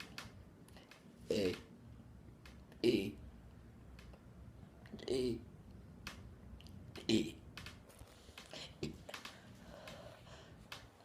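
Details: Person burping on purpose for a video: four short voiced burps about every two seconds over quiet room noise and small clicks; burping.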